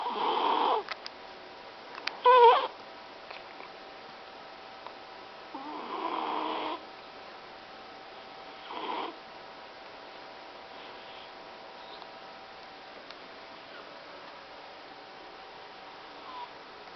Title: Funny cat Snoring while sleeping